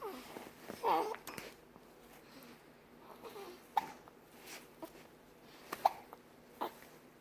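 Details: Hiccups: several brief, sharp hiccup catches at irregular intervals, with some soft vocal sounds and room noise.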